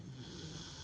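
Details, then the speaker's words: A brief, low, rumbling breath from a Labrador dog asleep under a thick covering in cold weather, starting to snore just after falling asleep, with steady background hiss: snoring. "ওই দেখো ঘুমোতে না ঘুমোতেই নাক ডাক শুরু। এই শোনা, শোনা শুনতে পাচ্ছ বন্ধুরা? দেখো কেমন নাক ডাকছে,"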